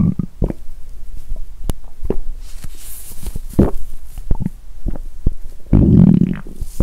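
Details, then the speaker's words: A woman in the first days of a 7-day fast, hungry: irregular low gurgles, squelches and a longer rumble from her belly that she likens to construction noise; hunger borborygmi. ""เอ๊ะ!ฉันได้ยินเสียงก่อสร้างดังมาจากท้องของฉัน!""ท้องของฉันเลียนเสียงการก่อสร้างหรือเปล่า""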